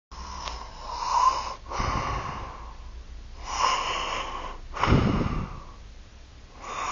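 Rhythmic noisy breaths with a whistling, snorting quality on each cycle; snoring.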